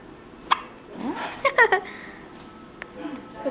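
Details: Young child, possibly around first birthday: brief, sharp, voiced hiccups, one alone then a quick cluster of three, with faint speech in the room; hiccups.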